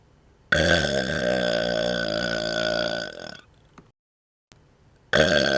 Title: Burping With Tongue Wiggling & Licking Outside Mouth #1